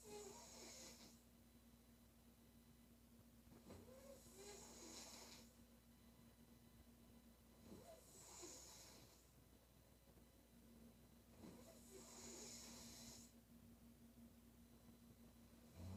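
Rhythmic snoring, about 16 breaths a minute, with a raspy rattle on each breath over a steady background hum.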